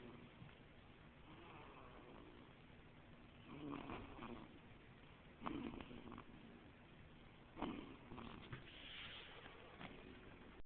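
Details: Two-week-old baby boy snoring fairly loudly while at an OB-GYN office: soft, noisy snuffly breaths about one every few seconds over faint room noise; infant snoring.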